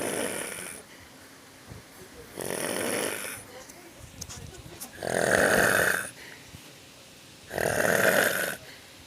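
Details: Someone sleeping in a pool after bathing gives loud, harsh, rattling snores about every 2.5 seconds in an echoing space: snoring.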